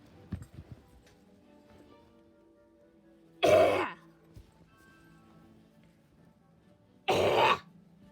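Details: Burping in a music remix: two short, rough burp-like bursts over soft background music, a remake of Dance of the Reed Pipes with the Sugar Rush racers and a hedgehog burping and belching.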